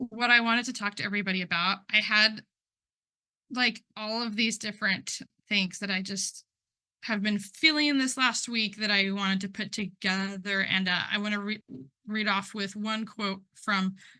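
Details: Adult man who stutters, speaking at a stuttering conference, involved in stuttering communities for about 10 years; word and part-word repetitions are audible; stuttering.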